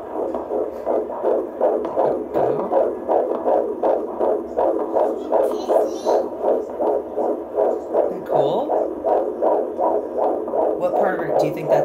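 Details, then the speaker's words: Normal fetal heartbeat on Doppler at about 26 weeks of pregnancy in a girl fetus: fast, regular whooshing beats running 155–160 a minute, a good, strong heartbeat. "Heartbeat's running between 155 and 160. That's perfect. Okay. Good. That sounds great. Good, strong heartbeat."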